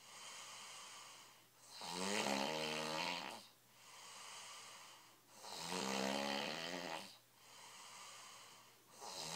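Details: Man heavily snoring: loud, rough snores on each breath in, with quieter breaths out between, about 17 breaths a minute.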